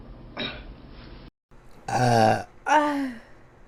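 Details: Korean streamer attempting a loud burp as a challenge: several loud, drawn-out, deep, resonant throaty belches with a brief pause between them; burping.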